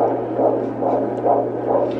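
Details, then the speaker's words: Fetal heartbeat at a 17-week pregnancy appointment on Doppler, about 140 beats per minute; the baby is moving. "those baby moving so we can hear the baby's heartbeat"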